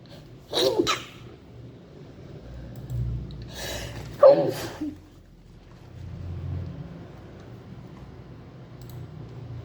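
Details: Person with possible allergies who can't stop sneezing: several sharp, explosive sneezes of varied sound in quick succession, with breaths between; sneezing.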